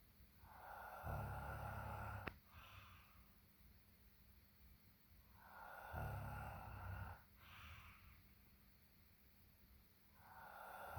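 Low, rattling snores on each in-breath, about 12 breaths a minute, with a brief snort at the end of one breath; quiet room.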